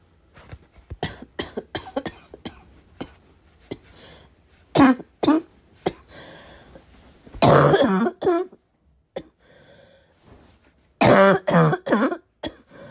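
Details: Heavy barking smoker-type cough: repeated harsh barking coughs in irregular bursts with throat clearing and snorting; person unsure whether it comes from vaping or from getting sick.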